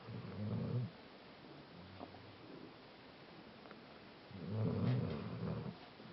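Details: Maisy snoring during sleep: low, fluttering, rattly breaths with a quiet stretch between them; snoring.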